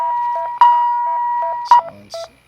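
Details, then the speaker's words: Philips defibrillator demonstration: pressing sync button for synchronized cardioversion at 50 joules of SVT, rate about 170–172; repeated monitor tones with two louder beeps as sync mode engages, white marks on QRS complexes, green synced indicator. "when you press it these white marks will show up with the qrs's and the little green box right here in the upper right corner will show that it's synced"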